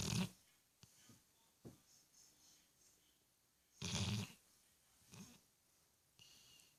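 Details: Sleeping pit bull, female, after a long day; two loud, rough, snorting breaths about four seconds apart, with softer breath noises between them in a quiet room: snoring.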